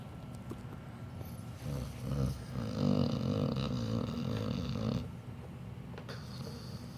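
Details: Low, rattling, snorty breathing rising and fading over several seconds from a sleeping pit bull dog; dog snoring.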